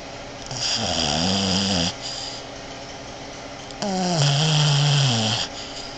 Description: Boston Terrier dogs are prone to snoring but this is snoring like a man she also does the REM sleep (Rapid Eye Movement ) She is so funny to watch sleep.